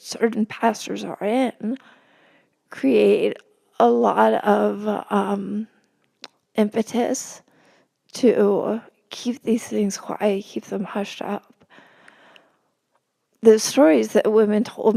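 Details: Adult woman with spasmodic dysphonia, speaking as a podcast guest: spasmodic dysphonia.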